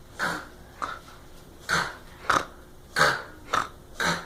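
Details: Female sleeper, said to snore like a pig: short, repeated grunting snorts, about seven in four seconds, rough and irregular; noisy snoring breaths.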